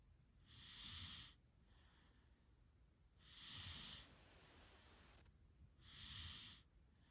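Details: Snoring: hissing, whistly breaths repeating about every 2.6 seconds, roughly 23 a minute, with a low flutter underneath.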